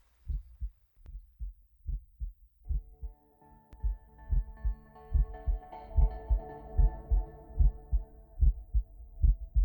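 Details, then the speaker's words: Heartbeat sound effect in a Tamil-dubbed film scene, not a real recording: steady, regular thumping at about 73 beats a minute with music rising. "உங்களோட heart beat"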